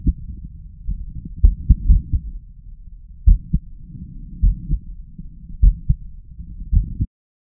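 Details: Adult male's forceful, unevenly spaced heartbeats via stethoscope with intense pauses, an irregular rhythm provoked by deliberate chest vacuum manoeuvres; irregular heart rhythm with pauses.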